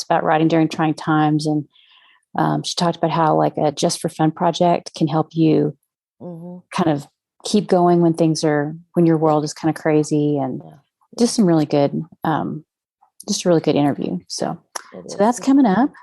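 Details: Adult woman speaking; normal voice.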